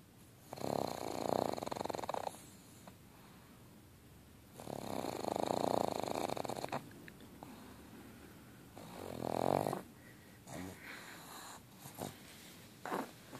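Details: Sleeping pug dog snoring loudly: rough, rattling snores about every four seconds, roughly 14 a minute, each lasting one to two seconds: snoring.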